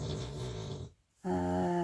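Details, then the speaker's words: Sleeping dog snores with a rough, buzzy inhaled sound, a quiet pause, then another snore begins. "Well, you'll hear a lot of snoring today ;)."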